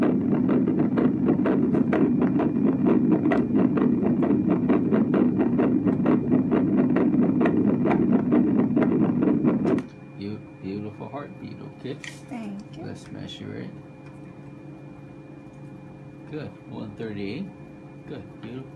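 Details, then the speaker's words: Fast, regular whooshing Doppler fetal heartbeat at about 135 a minute at a 32-week prenatal appointment of a teen mother; baby head down, good fluid, moving a lot; normal fetal heartbeat. "So y'all, I'm finally done. I let y'all hear my baby heartbeat, y'all. Y'all finally get to hear it."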